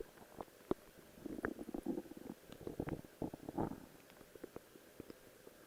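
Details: Quiet gurgles and squelching pops over faint hiss from a person's own stomach; ordinary stomach growling.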